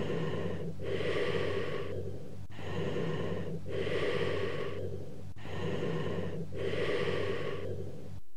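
Loud, harsh breaths with long expiration and a pause between breathing in and out: bronchial breathing, as over consolidated lung.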